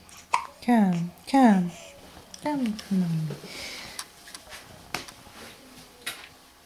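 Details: Baby with recurring hiccups during care: a few short, abrupt voiced catches with falling pitch, irregularly spaced, amid soft room sounds; infant hiccups.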